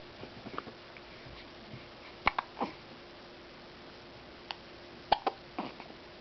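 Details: Several sharp, brief, clipped hiccups at irregular intervals in a quiet room; hiccups.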